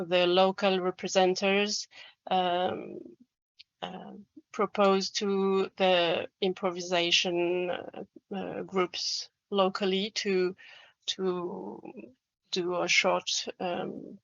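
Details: Adult French man who describes himself as a person who stammers, speaking English; stuttering.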